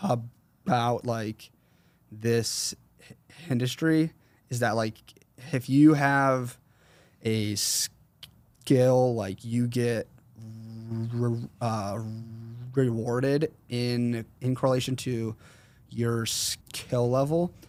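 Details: Man, 21, with a severe stutter since 4th grade; severity varies and is worse when he consciously processes what he says; stuttering.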